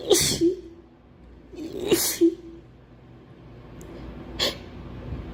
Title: Girl sneezing 5